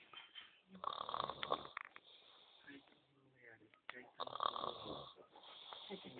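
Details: Loud rough rattling inspiratory snores separated by quieter breathing from a sleeping adult male; snoring.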